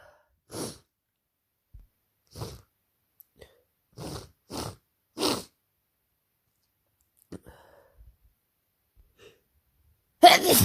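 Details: Person with a cold and sore throat after working a week at summer camp, sneezing: a run of short, quick sneeze-like bursts in a quiet room, then a louder burst at the end.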